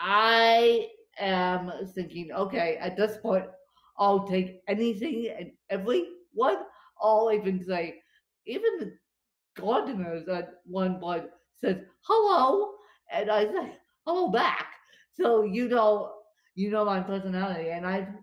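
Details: Dysarthria in a woman with cerebral palsy affecting her limbs and brain; she describes being tongue-tied from her cerebral palsy today, after a bad spasm day.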